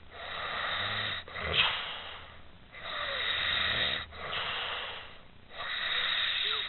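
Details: Young woman sleeping soundly and snoring loudly: rhythmic rough breathing at about 22 breaths a minute, with a rattling quality on each breath.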